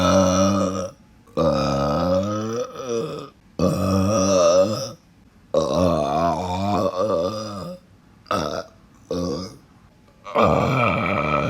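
Several long, loud, drawn-out voiced belches in a row, with brief pauses between them; repeated burping.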